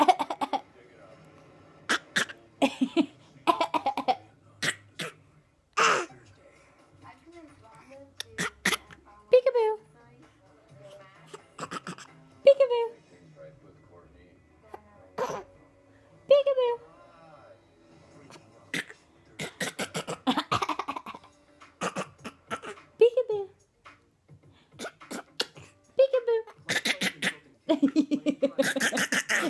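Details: A child's voluntary fake cough: a string of short, deliberate put-on coughs between brief voiced sounds.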